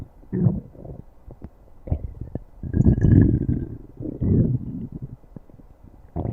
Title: stomach growling